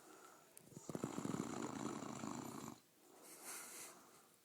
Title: Mastiff snoring 2